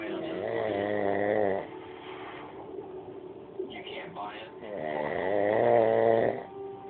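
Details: Adult man (a father) snoring: loud, rattling, drawn-out snores with a vibrating, buzzing quality, separated by quieter breathing.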